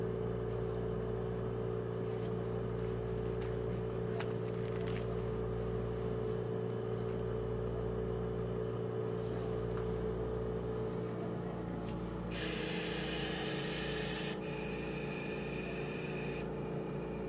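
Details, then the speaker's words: Adult ventilator initiation, short self-test (SST) with heated-wire adult circuit checking flow, circuit pressure, leak, expiratory filter, resistance, compliance: steady hum, low whirring, brief hissing airflow bursts: mechanical ventilator self-test. "turn on the ventilator push the SST to test selecting heated wire adult patient except and these are the things that the VIN is testing the flow the circuit pressure the leak the expiratory filter the circuit resistance and the compliance for"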